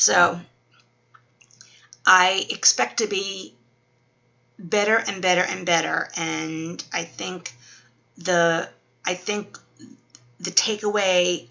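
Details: Adult woman 12 weeks after a stroke, with Wernicke's aphasia and apraxia, in speech therapy; word-finding difficulty, worse when tired.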